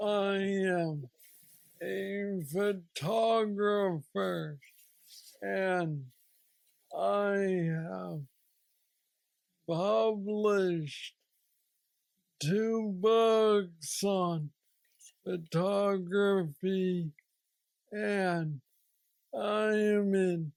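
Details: Parkinsonian speech (hypokinetic dysarthria) in a 46-year-old man diagnosed with aggressive Parkinson's disease at age 35, with mobility problems and treated with a deep brain stimulator implanted two years after diagnosis.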